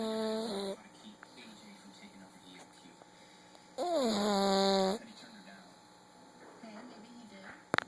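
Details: A Pug snoring: two whistling, high-pitched tonal snores with quiet room noise between them, fitting a narrowed airway.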